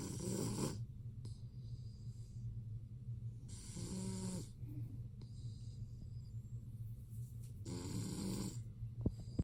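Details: Lilac male BearCoat Shar-Pei puppy snoring: regular rumbling snores with a breathy rush on each breath, about every four seconds, roughly 15 breaths a minute.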